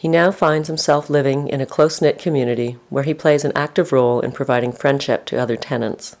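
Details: Adult narrator; normal speech.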